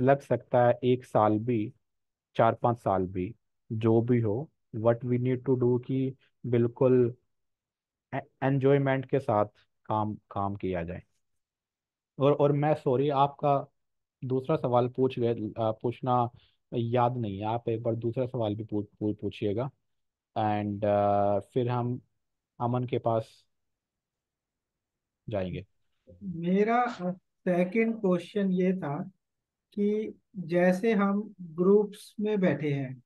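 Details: Adult man who stammers, reporting more stammering in one-on-one situations than in stage speeches, speaking Hindi; stuttering.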